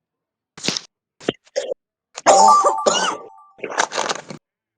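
Several deep, harsh coughs come in clusters, with throat clearing between them. A chesty, heavy smoker's cough.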